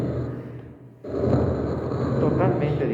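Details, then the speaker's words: Coarse crackles in a patient with heart failure: dense, rough crackling over breath sounds from fluid in the lungs, the coarse type before finer crackles further down. "son como créditos gruesos solamente nosotros pero vamos a ir bajando desde hace más finos"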